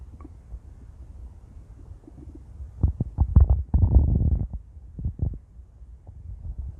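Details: Stomach growling from a female: intense, loud, low gurgling and rumbling in bursts over several seconds from gut movement; borborygmi.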